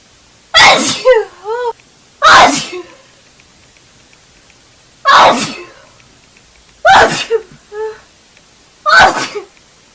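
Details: A red-haired girl sneezes forcefully five times in quick succession, several sneezes ending in a brief voiced sound; a sneezing fit.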